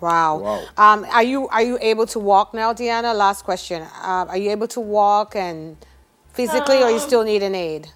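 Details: Adult woman speaking; ordinary speech.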